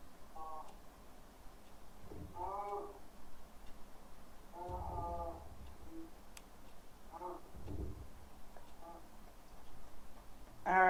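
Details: Adult voice, client recording played back; Reduced sustained vowel phonation (short, broken 'ah').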